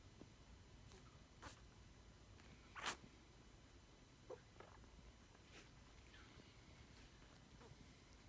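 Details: Puppy learning to walk in a quiet room with faint shuffling gives a few small, sharp sneezes, clearest near the middle; sneeze.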